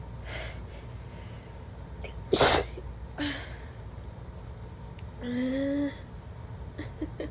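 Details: Repeated sneezing bout that won't stop: one loud, sharp sneeze burst, then a smaller sneeze and a brief voiced sound, with quiet room noise between.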